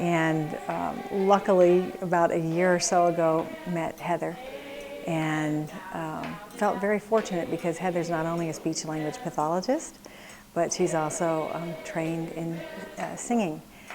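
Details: Adult woman speaking; normal speech.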